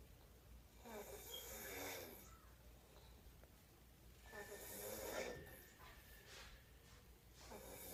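Rough, fluttering snores on each breath, about four or five in eight seconds, over steady low background hum. Ordinary snoring.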